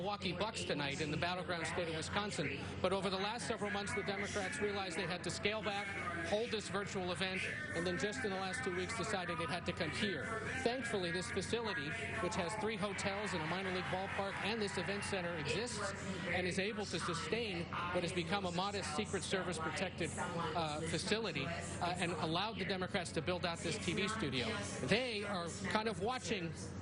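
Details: Adult news reporter; normal speech.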